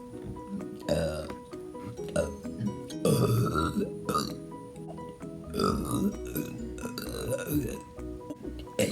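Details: Several loud, drawn-out, croaky burps over steady background music; burping.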